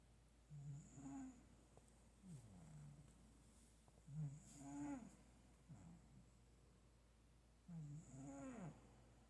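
Soft, rhythmic snoring from a sleeping cat, with fluttering sounds on breathing in and out, about 17 a minute, varying in tone.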